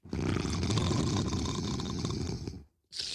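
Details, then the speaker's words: Acted snore in a cartoon: a loud, rough, rattling in-breath lasting over two seconds, then a pause, before a character complains the snoring is too loud. "you're snoring too loud. Sorry, Destiny. I didn't mean to wake you."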